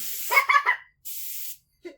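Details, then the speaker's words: Child's dental cleaning: short steady hiss of air from a dental air-water syringe, with a child's voice before it. "Oh, did you know this water gun has air too? Look, it's got a lot of wind."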